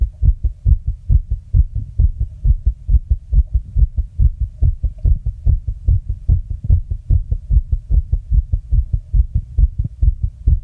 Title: my fast heartbeat sounds